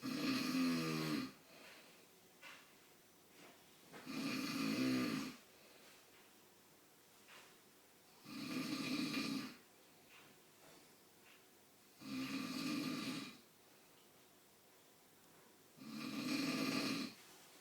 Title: Dad snoring